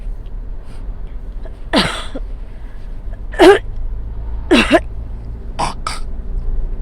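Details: Female driver with asthma attack while driving: about five short coughs and throat-clearing bursts with phlegm spitting over steady engine noise.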